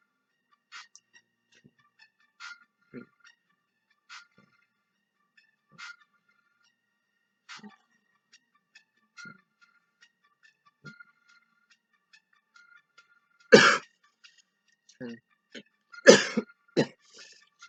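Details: An adult man with cerebral palsy, during his hands-and-knees exercise routine on a mat, gives a couple of short, sharp coughs amid faint regular ticking and quiet room sounds.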